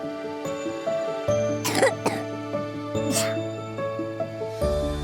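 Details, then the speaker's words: Young child with cough and flu and a fever coughing; cough. "Adik batuk flu ya? Badannya panas."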